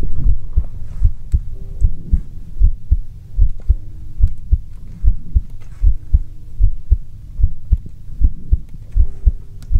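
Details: A steady, regular heartbeat heard through a stethoscope for ASMR: low thuds at about 76 beats a minute with a faint background hum; normal heartbeat.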